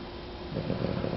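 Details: Female dog said to snore like an old lady: a brief, rough, fluttering, low snore that swells toward the end.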